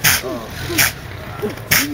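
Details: A deer sneezing after being stung on the nose by a bee.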